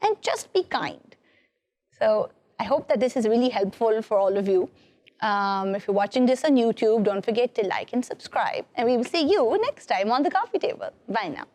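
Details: Adult woman speaking; normal fluent speech.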